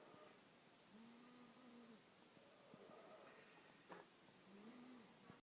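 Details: Snoring from a sleeping person.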